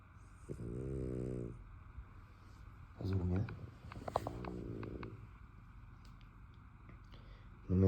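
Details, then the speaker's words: A sleeping French bulldog snoring loudly: low, buzzing, vibrating snores with a droning tone in drawn-out rounds, while the owner says it is snoring a lot; snoring in a short-nosed dog. "Cuqui estás rongando mucho. Cuqui, cuqui, estoy trabajando. No, no me dejas concentrarme."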